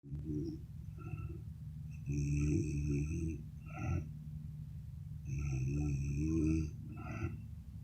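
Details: Slow, deep, rumbling snores with a whistling, squeaky edge on each in-breath, about two cycles in eight seconds, from a sleeping adult woman (the recorder's mother); snoring.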